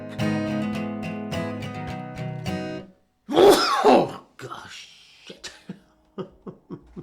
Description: sneezing during recording